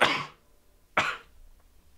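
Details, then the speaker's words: Person who announced the sneezes beforehand: two sharp, explosive sneezes about a second apart, with a cough-like quality. "one more sorry about that sounds like I'm coughing when I sneeze"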